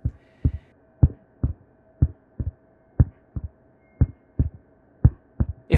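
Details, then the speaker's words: Simulated heart sounds faked with a stethoscope technique from a 1910 paper, about 60 per minute; first sound from mitral and tricuspid closure, second from aortic and pulmonary closure; second sound split into a quick double thump, which can suggest a structural problem. "you can even change time signature sometimes one sound will split which can suggest a structural problem"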